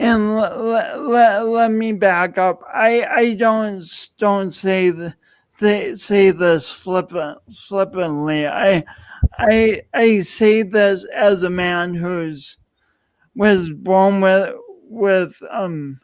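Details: Adult speaker; speech impediment (stuttering-like disfluency).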